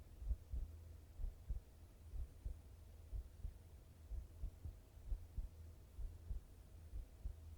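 Soft, low paired thuds at about 64 beats a minute over a quiet hum; normal heart sounds.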